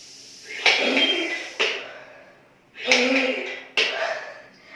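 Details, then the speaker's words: Four forceful, hissing in-breaths through an incentive spirometer tube, a demonstration of inhaling capacity; the person raises only 2 of 3 balls, which is taken to mean average lung capacity. "I'm able to suck in only 2 balls at a time, which means that my lungs capacity is very average."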